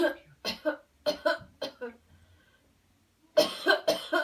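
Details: Coached airway-clearance coughing technique after counted breathing and a deep breath in: short, forceful, deliberate coughs in two bouts separated by a pause.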